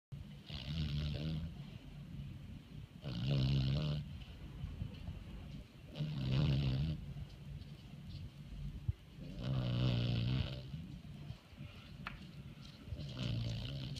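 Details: Senior Beagle, a foster dog, sleeping and snoring: loud rattling snores on each breath in, about 20 a minute, with quieter breathing out between.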